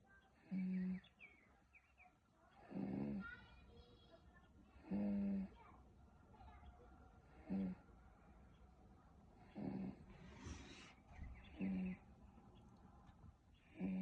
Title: SNORING